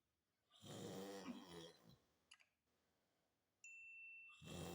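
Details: Unbearable snoring.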